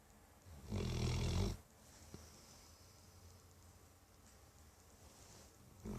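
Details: Sleeping dog snoring like a human or old man: one deep, rattling snore, then quiet breathing and the start of the next snore.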